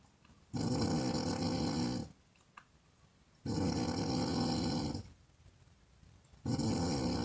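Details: Woman snoring, recorded as an ASMR sound effect: loud, rough, rattling snores on each in-breath, about three in seven seconds, with quiet pauses between.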